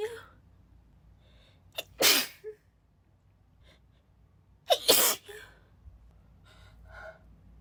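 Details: Female who is still a little sick has a breathy, spraying sneezing fit, described as feeling like a spray bottle.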